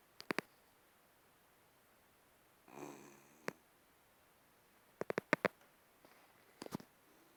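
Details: Sleeping West Highland White Terrier (Westie) gives one soft, rough snorting breath among a few sharp clicks in a quiet room: snoring.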